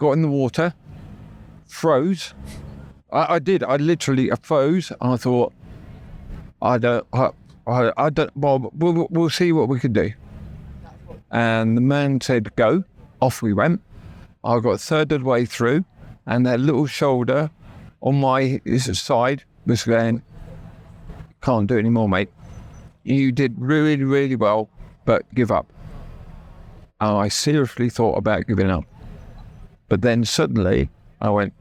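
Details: Adult man with persistent aphasia after a near-fatal stroke that paralysed his right side; he had to relearn speech, left hospital able to say only three words, and still knows what he wants to say but words come out differently.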